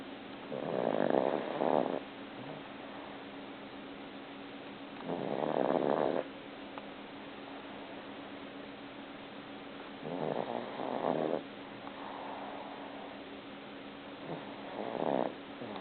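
Soft rhythmic snoring, about one breath every five seconds, with a steady hum in the background; harmless sleep snoring in a cat.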